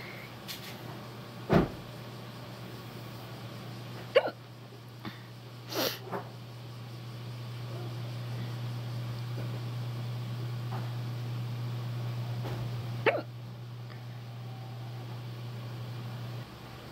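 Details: A person hiccupping for the first time in a long while, heard by their cat: about four abrupt, sharp catches of breath at irregular intervals over a low, steady hum: hiccups.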